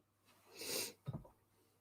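A sharp, hissing sniff is followed by a short, voiced, grunting throat-clear, a brief cough-like clearing of the throat during a flu.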